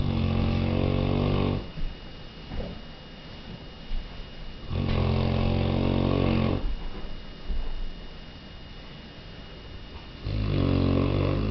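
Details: Loud, deep, rattling snores with each breath in, about 12 breaths a minute, quieter breathing out between: heavy snoring in a sleeping 3-year-old Mastiff dog.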